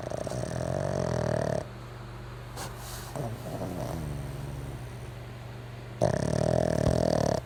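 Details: Snoring pug: loud rattling, buzzing snore on inhalation, fading to quieter breathing between breaths; snoring.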